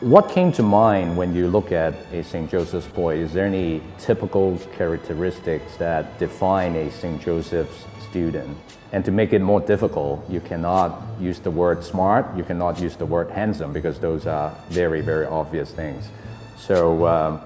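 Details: Adult male speaker; normal voice.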